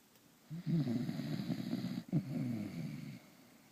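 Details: Dog named Dolly snoring while asleep: two low, rumbling, fluttering snores, each about a second and a half long; ordinary snoring.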